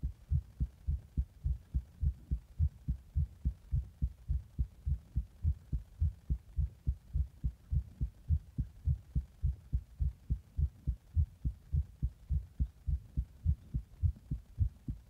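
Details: Heart after drinking a Monster energy drink in the bath and applying compression: fast, steady low thumps at about 105 beats a minute, a rapid heartbeat slightly above resting rate.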